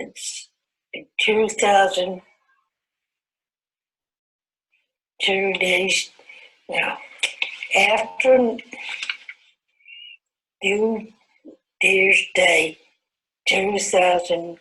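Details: 69-year-old woman after a stroke around 2002, Broca's type aphasia with WAB aphasia quotient 63.9; Broca's aphasia.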